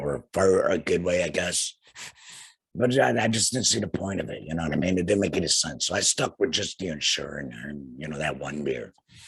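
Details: Male laryngectomee whose larynx was removed after cancer, speaking through a flanged voice prosthesis in the esophagus; tracheoesophageal speech after total laryngectomy.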